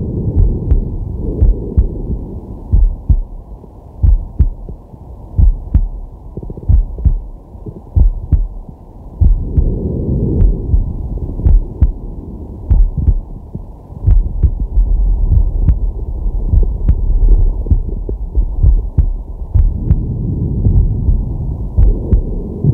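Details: A man relaxing or sleeping, recorded with a digital stethoscope on his chest: steady, muffled two-part heartbeats with slow, deep breaths swelling in and out. Normal heart sounds.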